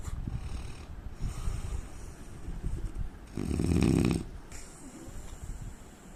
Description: indian man snoring sound asmr sound problem